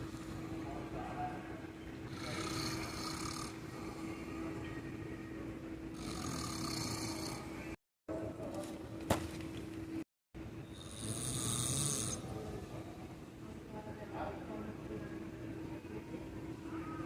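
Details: Person asleep in an airport lounge waiting chair; rasping snores about every four seconds, roughly 15 breaths a minute, over steady hum and crowd noise in a large hall: snoring.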